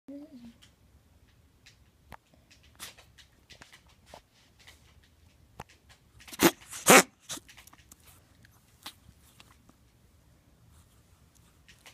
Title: Koda's Cough 2